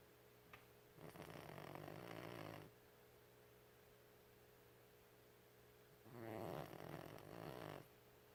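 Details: Old 13-year-old Chihuahua, often sleeping, giving two long rattling snores with quiet stretches between over steady room hum; loud dog snoring.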